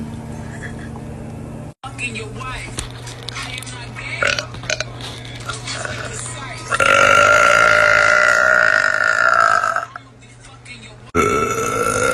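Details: Girl belching: a loud, long, deep belch lasting about three seconds and a shorter belch at the end, over talk and background music.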